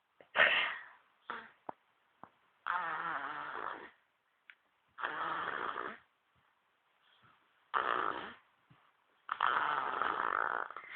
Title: Baby snoring 1